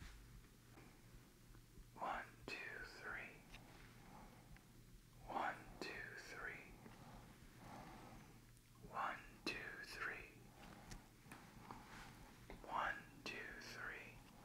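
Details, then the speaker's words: Standardized patient in a chest pain/shortness-of-breath OSCE exam whispering "one two three" as the stethoscope moves over chest and back; Eko-recorded, edited overlay. Whisper stays faint and indistinct: negative (normal) whispered pectoriloquy. "so I'm going to put the stethoscope on a couple places along your chest and back as I do that I'd like you to whisper one two three okay"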